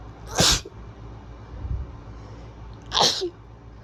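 Two sharp, forceful sneezes about two and a half seconds apart.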